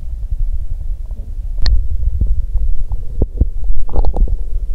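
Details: Low, rolling gurgles and rumbles with a few short squelches from the abdomen of a woman on day two of menstruation with abdominal pain and suspected diarrhea: active bowel sounds (borborygmi).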